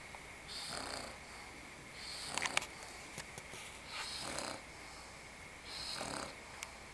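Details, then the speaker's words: Bulldog sleeping after being exhausted from playing with a pug friend: soft, rhythmic snoring with a faint whistle on each breath, roughly every 1.7 seconds (about 35 a minute), in a quiet room. "Worn out from playing with Muggsy. Wears you down, huh, Scarlet? And that was y'all's Bulldog snore break for the day."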